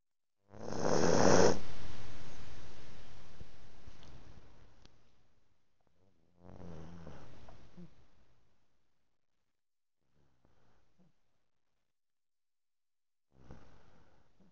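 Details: Slow, low rumbling snores separated by long pauses from a sleeping chihuahua; snoring.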